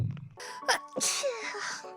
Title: sneezing